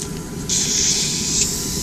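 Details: Closed in-line endotracheal suctioning in an ICU ventilated patient after injecting 5 mL into the tube: a steady rushing hiss of suction starts abruptly and continues.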